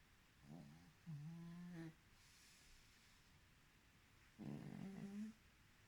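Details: A pug snoring: low, buzzing, slightly tonal snores in a few drawn-out bursts with quiet gaps between them.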